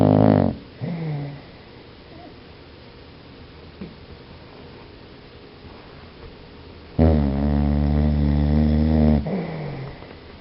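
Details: Dog snoring: a loud, drawn-out rumbling snore with a steady low buzz, separated by quiet stretches; typical dog snoring.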